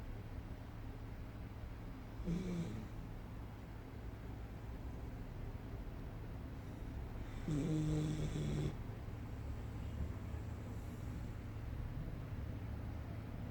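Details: Snoring from a sleeper, dog or human left unstated: two low, rough, rattling snores during slow breathing over steady room hum; snoring.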